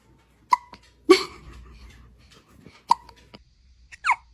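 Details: Newborn baby hiccuping: brief sharp voiced catches, about three over four seconds, with soft breathing between; newborn hiccups.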